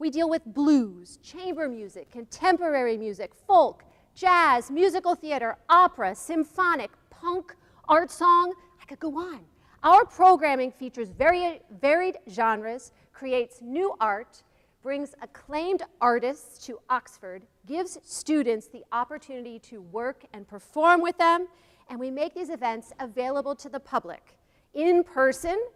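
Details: Adult woman; Normal voice.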